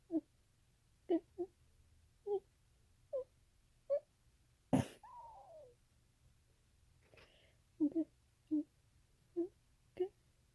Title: Trying to say I'm gonna sneeze while allergy inducing